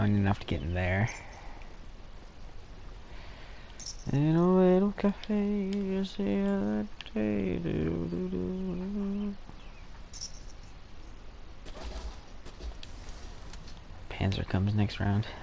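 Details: Adult male gamer; typical speech.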